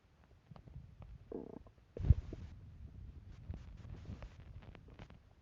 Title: More hungry gurgles plus sneeze 🤧